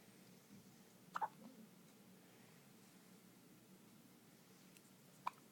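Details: Two-day-old newborn baby with hiccups: three brief, faint, sharp catches in a quiet room, two close together and one several seconds later.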